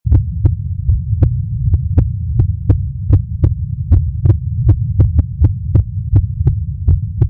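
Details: Real heartbeat recording: steady paired normal heart sounds at about 80 beats a minute over a constant low hum.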